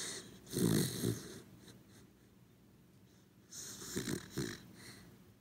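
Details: A sleeping corgi dog snoring: soft snorting snores with a faint whistle, two breaths heard; ordinary dog snoring.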